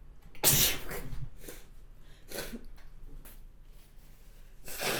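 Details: Sneezing from someone who says they have hay fever and a dog allergy: several forceful, hissing sneezes over a steady low room hum.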